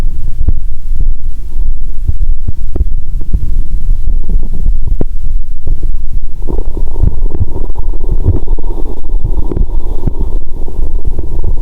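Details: Stethoscope on the belly while lying down, after drinking cola and swallowing Mentos: loud, deep continuous rumbling and gurgling, louder churning near the end, no sloshing; active bowel sounds.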